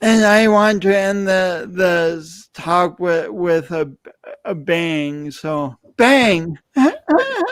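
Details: Adult speaker; speech impediment.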